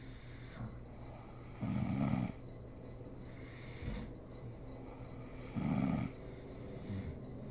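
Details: Adult woman (mother) asleep, recorded for ASMR: rough, rattling snores on two breaths about four seconds apart, roughly 15 breaths a minute, with soft breathing between; sleep snoring.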